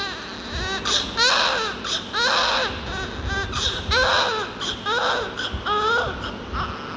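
Loud, rhythmic newborn crying in repeated wails about a second long with short breaths between, in a room with some background noise.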